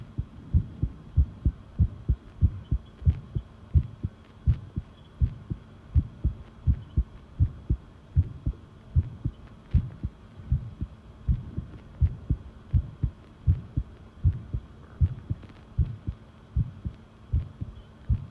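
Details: Long self-recorded heartbeat while listening to one's own pounding heart: strong, regular, deep two-part beats at about 80 a minute with a faint hum behind; normal heart sounds.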